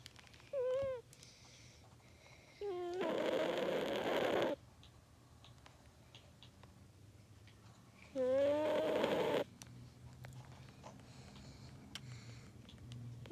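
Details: Sleeping cat snoring: a few slow, rough, noisy breaths with squeaky tonal edges, about twelve a minute, amid quiet room noise.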